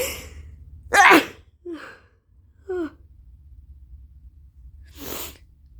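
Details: Repeated sneezing since equine therapy at a ranch, with allergy suspected; a new allergy medication was started the night before: one loud forceful sneeze, gasping breaths, then a softer second sneeze.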